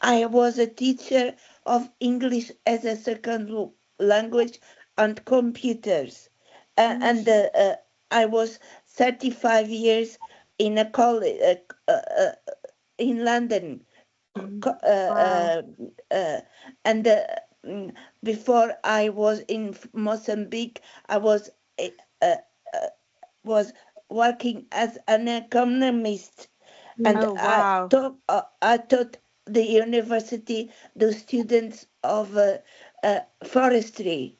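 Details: Aphasia in a woman following a stroke in December 2016; initially unable to speak at all and first misdiagnosed with dementia; previously spoke five languages.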